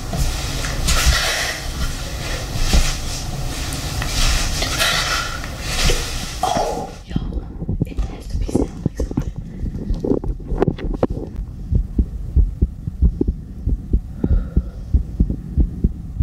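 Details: ASMR heartbeat recorded after exercise: rustling gives way to soft, fast, low heartbeat thumps at roughly 90 beats per minute.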